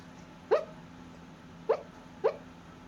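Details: Sleeping dog in a blue sweater with sleep hiccups: three brief, sharp gulping catches over about three seconds, with quiet between them.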